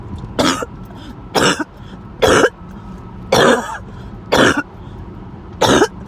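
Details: Sudden harsh coughing episode that came out of nowhere: six harsh, forceful single coughs about a second apart over faint background noise.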